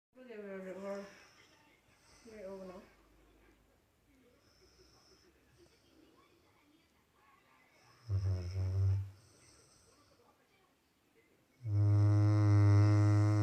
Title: Labrador snoring while sleeping ( funny video)